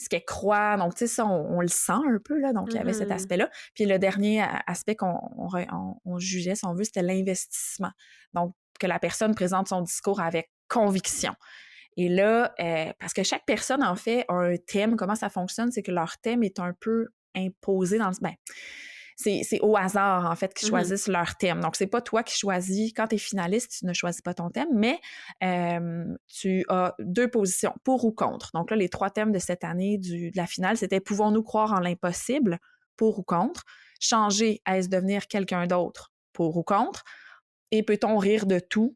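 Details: Adult woman speaking French; no disorder.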